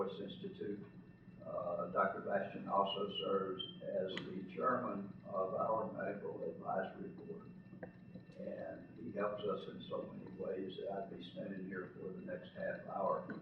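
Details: Adult man with spasmodic dysphonia, who counts himself among those living with the condition, speaking in real connected speech; spasmodic dysphonia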